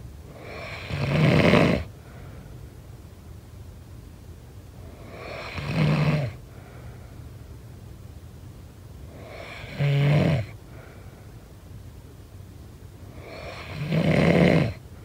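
Four rough, rattling snores at about 15 a minute, with quiet hiss between them. Snoring during sleep.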